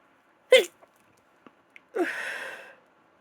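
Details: Woman with a congested cold sneezing: a sharp inhaled catch, then a breathy, hissing sneeze trailing off.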